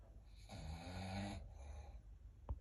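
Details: Snoring: one low, rumbling snore on a breath in, fading out, with a brief click near the end.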